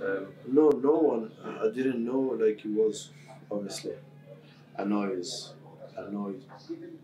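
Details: Adult male footballer who has stammered since about age six; stammer varies day to day; stammering.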